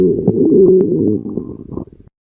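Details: A loud, tonal gurgling growl of about two seconds trailing into bubbling; hunger-related stomach growling (borborygmi) in a person who says they are pretty hungry.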